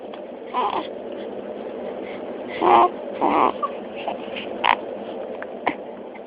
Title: Hiccups in the morning